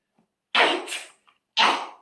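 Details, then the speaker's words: A child acts two sharp, noisy sneeze-like bursts in a comedy skit, not a real sneeze: acted sneeze. "잠깐, 지금 여기서 재채기가 나오면 어떡해?"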